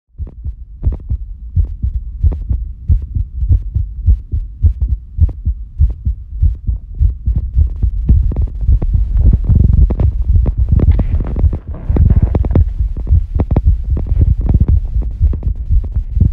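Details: Female heartbeat recorded after squats, during recovery: fast, strong heartbeat of about 107 beats per minute with noisy rubbing; normal rise in heart rate with exercise.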